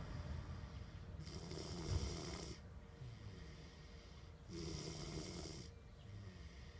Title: 2014 - FRA - snoring